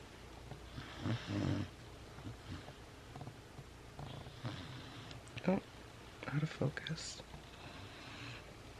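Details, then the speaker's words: Snoring from a sleeping female Great Dane puppy who makes noises when petted: irregular low rumbling snorts and snoring breath noise, with faint room sounds. "If you pet her when she sleeps, she makes noises. Okay, of course she doesn't do it for the camera, but oh, there it is."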